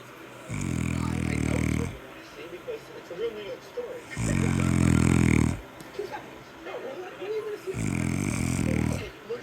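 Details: Three loud, deep, rumbling snores about every three and a half seconds with quiet breaths between: heavy snoring during sleep.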